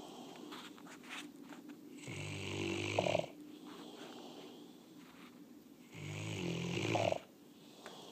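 Two low, rattling snores about four seconds apart, each ending with a brief whistle, over steady background hiss.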